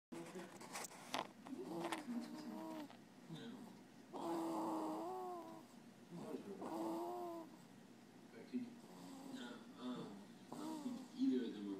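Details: Deep-sleep snoring: long, groaning, voiced breaths with rising and falling pitch and some short snorts between, snoring with vocal noise.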